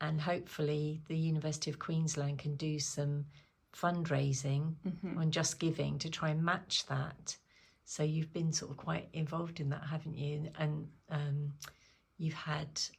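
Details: Adult woman speaking; normal speech.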